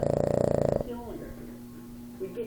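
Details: Boston Terrier dog snoring while resting after a day of digging and chewing sticks: a brief loud vibrating snore under a second, then a quiet room with faint background sounds.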